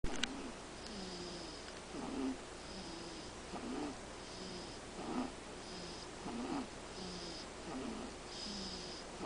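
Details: Soft, rhythmic snoring with a faint snuffle on each breath from Zoë, a five-week-old kitten sleeping in a quiet room; snoring.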